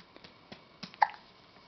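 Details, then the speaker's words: Baby boy being burped by his father, with several soft, abrupt little catches in a quiet room and one clearer hiccup near the end; he gets hiccups often and also had them in the womb; infant hiccups. "you get the hiccups a lot now you got hiccups when you were in your mom's tummy you did and now all the time and now you're getting them"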